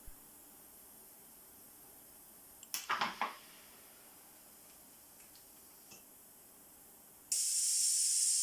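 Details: Pressure testing of a low-cost mechanical ventilator prototype for Covid-19 using pneumatic valves: pneumatic valve sound.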